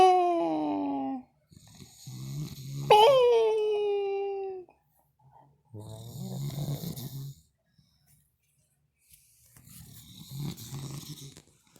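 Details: Slow, loud rattling snores about 20 a minute, some with a whistling tone, from a sleeping man, apparently wearing a mask, whom a friend then scares; background music; heavy snoring.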